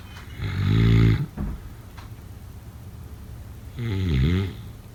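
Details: Snoring during sleep, offered as a sleep sound effect: two loud, buzzing, rattling snores a few seconds apart, with quiet breathing between.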